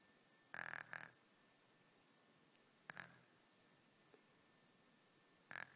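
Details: A sleeping baby snoring lightly: a few short, faint snorting breaths in a quiet room.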